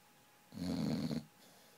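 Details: A single low, fluttering snore lasting under a second from a sleeping dog: snoring.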